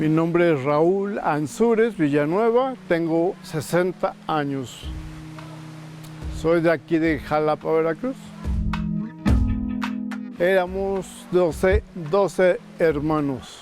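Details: Ataxic dysarthria in a 60-year-old man with ataxia diagnosed 17 years ago, of undetermined origin though labelled spinocerebellar ataxia type 7, progressively affecting speech, walking and swallowing; he receives speech therapy.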